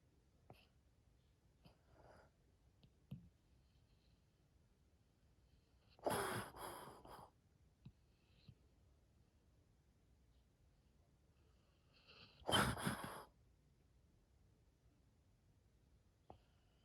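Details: Dog in a quiet room, apparently sleeping: two sudden loud bursts of air several seconds apart, with small sniffs and clicks between. Sneezing in a dog.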